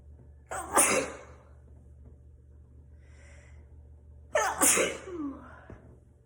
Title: More morning sneezes on the couch